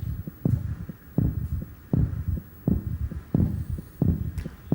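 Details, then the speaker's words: Heartbeat of an adult man raising his heart rate at will, heard through a microphone with ECG monitoring; steady thumping speeding from 78 to 89 beats a minute over a low hum. "You can hear it getting faster at 78, 78, 89, 89, What sort of thing would a person have to be doing to create this sort of speed?"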